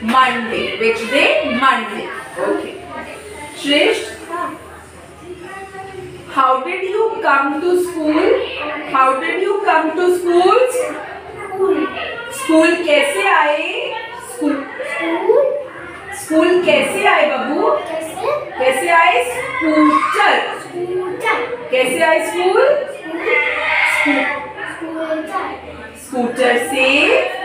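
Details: Child with adult therapist; echolalia.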